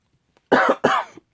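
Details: Adult who just woke up, hoarse and unwell for a couple of weeks: two loud, harsh cough bursts in quick succession, each with a short trailing rasp; double cough.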